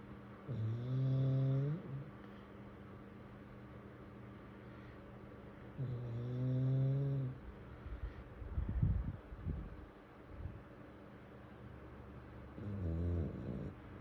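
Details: Snoring from a sleeping English bulldog: loud, rattling snores with a buzzy, whistling edge, about one every six seconds.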